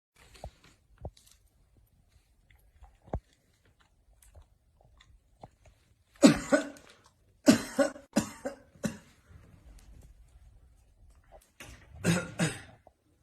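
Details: Short, harsh coughing bursts in two clusters after quiet room sounds, from a dog; coughing.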